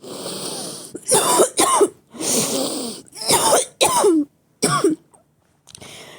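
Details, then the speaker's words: A run of about five harsh, throaty coughs with throat clearing and breaths drawn between them, from an adult who is coughing repeatedly while ill. "As you can see from my coughing, that is the topic."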